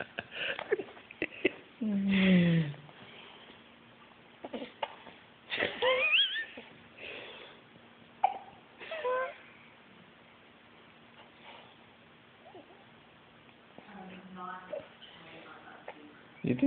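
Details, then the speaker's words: Infant with hiccups, who usually becomes fussy with them but is not crying: sharp, brief hiccup sounds spaced irregularly, with some voice sounds and faint background music; hiccups. "those hiccups would bother her you know but she never like she never cries when she gets them addy hates it when she gets hiccups she becomes very fussy"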